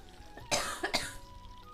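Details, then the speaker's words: Adult coughing repeatedly while vlogging, two quick, harsh coughs close together over faint steady background tones and room noise: cough. "তো আমি যখন বলছি বারবারই আমার কাশি হচ্ছে মানে আপনারা হয়তো শুনতে পাবেন"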